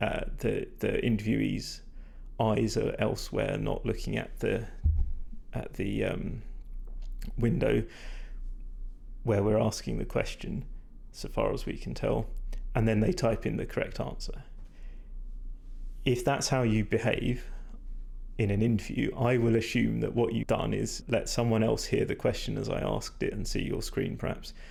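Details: Male speaker with vocal fatigue from prolonged talking without drinking enough, creaky, strained voice; he describes it as degraded, stressed and not at its peak condition.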